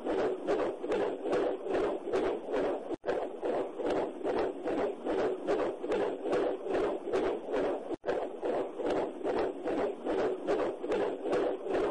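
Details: Rapid, regular whooshing pulses at about 146 a minute, a fetal heartbeat in pregnancy as heard through a Doppler monitor.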